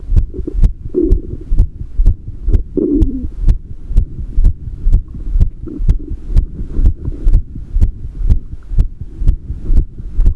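Steady, regular low thumps at roughly 60 beats a minute, each beat in two parts, with a faint background hum; an ordinary heartbeat.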